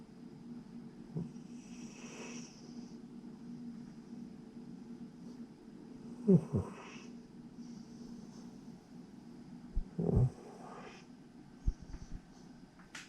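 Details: Sleeping pet cat snoring in an odd position, owner wonders if dreaming: soft, irregular snoring breaths with occasional snorts, about 15 breaths a minute.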